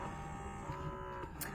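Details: Electric breast pump with two independently controlled motors running during a demonstration: steady low motor hum with a faint mechanical buzz.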